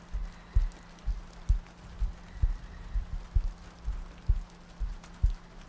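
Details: ASMR sleep-aid roleplay of cuddling next to a girlfriend on a rainy night, a looped track with soft breathing: soft, regular low paired thumps at about 65 a minute over quiet rain-like hiss; a steady heartbeat.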